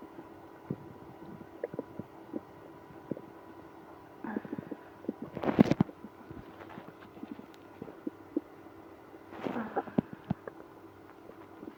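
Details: Irregular gurgles, squeaks and rumbling surges from the gut, with moaning, after drinking milk and prune juice in a person with IBS; active bowel sounds, stomach growling.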